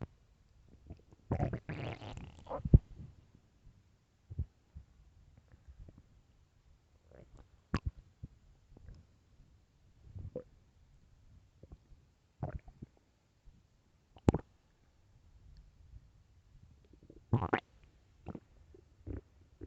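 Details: Loud stomach growls: irregular low gurgles and rumbles with sharp squelching pops and quiet gaps; normal digestive borborygmi.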